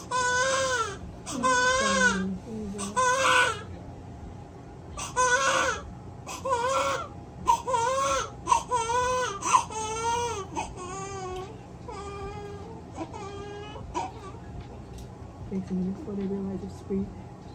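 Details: Newborn baby girl crying moments after an induced, Pitocin-augmented hospital delivery: repeated strong, high-pitched wails with short pauses, fading to whimpers, with faint room noise; a normal newborn cry.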